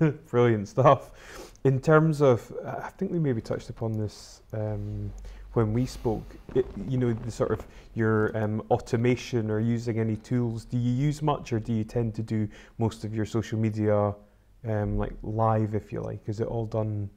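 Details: Adult male interviewer; normal speech.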